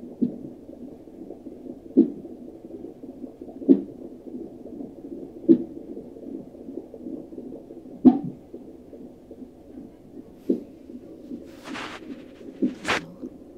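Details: Infant (baby J) hiccups: short, abrupt jerky sounds about every two seconds against a steady low hum, with a couple of higher squeaks near the end.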